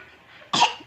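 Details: Baby coughing.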